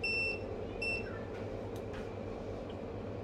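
Two short electronic beeps, then quiet room noise. Obturation pen beeping as its settings are changed.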